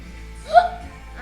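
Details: A single short, sharp voiced hiccup from a child, over faint background sound.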